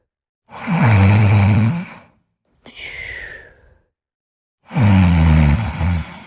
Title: Sleeping & Snoring Part 4